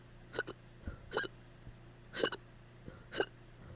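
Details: Hiccups after drinking too much the night before: four abrupt, sharp gulping catches of breath over about four seconds, each with a short voiced squeak.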